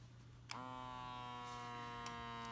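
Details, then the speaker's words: Automatic wrist blood pressure monitor on an adult man without high blood pressure, second attempt after refitting the cuff: a click, then a steady electric pump hum as the cuff inflates, pressure felt strongly but not painful. "feel the pressure in my arm I see oh wow okay I'm saying wow because the pressure I can really feel the pressure of it it's it's pretty impressive how much pressure it gives you"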